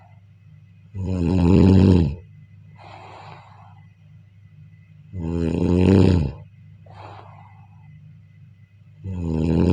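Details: Deep, rumbling snores on each in-breath during sleep, with softer airy out-breaths, about 15 breaths a minute; ordinary snoring.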